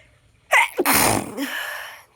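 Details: Nose sneezing challenge at home: a single sharp sneeze after a quick indrawn breath, ending in a breathy hiss; sneeze.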